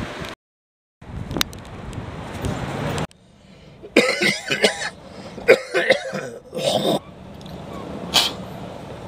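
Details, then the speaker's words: A short run of harsh, throaty coughs and throat clearing over room noise from an ill adult who has been coughing heavily for days and is still recovering. "I've been coughing so much that just really I wasn't in the mood to do it, and I'm still feeling a little ill."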